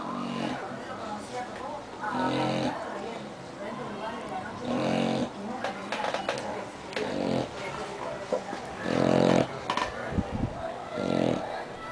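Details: English bulldog snoring: irregular snorting, rattling snores with loud nasal snorts between breaths; typical flat-faced dog snoring.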